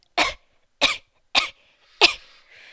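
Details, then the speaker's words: Four short, sharp dry coughs in quick succession, evenly spaced, while sick with a cold-like illness, prompting laughter at coughing funny; cough. "I shouldn't laugh at you while you're sick but you were just coughing funny"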